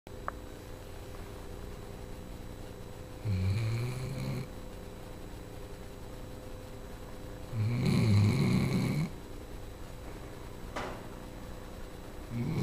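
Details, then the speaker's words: Sleeping female Labrador: two long, low, fluttering snores about four seconds apart over steady room hum; snoring. "There's a snoring girl. Your big snores. Big sleepies babies."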